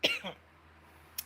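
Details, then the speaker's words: A single short, harsh cough with a brief follow-up burst from an adult non-smoker with a lingering cough after illness, speaking on a livestream; then quiet room noise and a faint click. "Sorry with all my coughing, and even though I'm not really sick anymore, but I'm still coughing. I sound like a smoker. I'm not a smoker though."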